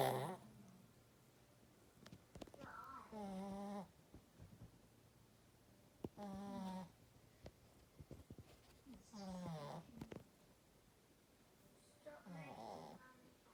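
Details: A sleeping female pet cat gives four soft, squeaky, whistling snores about every three seconds in a quiet room.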